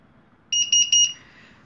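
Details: Syringe pump in hospital use sounding its alarm: three loud, high-pitched electronic beep bursts, each pulsing rapidly.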